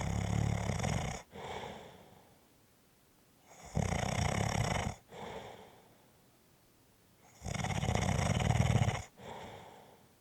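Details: Loud, rough snores on each in-breath, about every 3.5 seconds (roughly 17 a minute), with quieter out-breaths between them; typical snoring.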